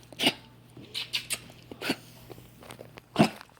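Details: A sick Basenji puppy gives a few short, sharp coughs and huffs close by, with a steady low room hum behind: dog cough.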